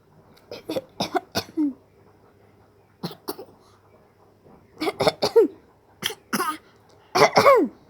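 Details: 7-month-old infant imitating a cough: clusters of short, voluntary cough-like bursts, no sign of illness, a normal developmental behaviour.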